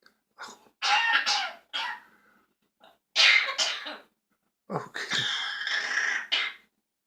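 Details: Three bouts of harsh, forceful coughing from a child, each a short run of coughs with pauses between them; cough.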